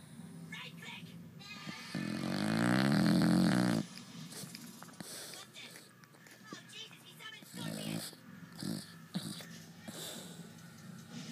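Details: Staffy (Staffordshire bull terrier) dog snoring while asleep: one loud, rumbling snore, then quieter snuffling breaths over some background noise. Audio only.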